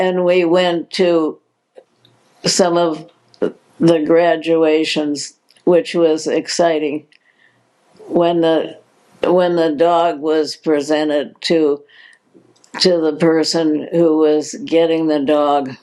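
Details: Adult woman diagnosed in 2020 with progressive supranuclear palsy, a progressive incurable neurological disease, with hesitations; hypokinetic-spastic dysarthria with word repetitions.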